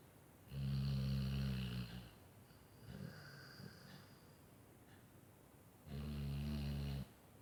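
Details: Dog snoring in sleep: low rumbling snores on slow breaths, two loud ones with softer breathing between.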